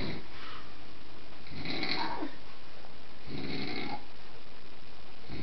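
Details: Sleeping dog: slow, regular low rasping snore with each breath, roughly every two seconds, over steady background hiss; snoring.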